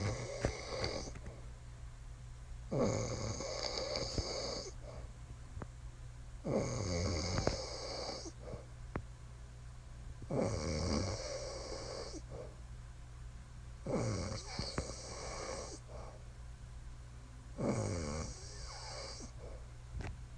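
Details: Wife snoring: loud rattling snores on each breath, six in 20 seconds, about 17 breaths a minute, with steady room hum.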